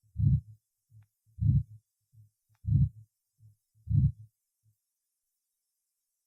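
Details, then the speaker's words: Aortic stenosis murmur at the Botkin-Erb point: slow heartbeat with a loud, rough whooshing systolic swell on each beat; murmur conducted along blood flow to the right common carotid and subclavian arteries. "этот шум проводится по току крови например на правую общую сонную артерию на подключичную артерию"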